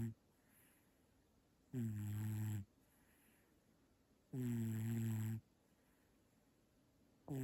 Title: Why does he have the cutest snore on the planet 😍 #cat #asmrsounds